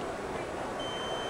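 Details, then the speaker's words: Steady high-pitched alarm tone over room noise from a LifeChoice 4.9-pound pulse-dose portable oxygen concentrator with sleep mode; its alarms cover low battery, general malfunction, inadequate oxygen output and no breath detected. "alarm system for low battery general malfunction if the unit is not working the way that it should be i.e producing the amount of oxygen that it should be and also a low a no breath alarm"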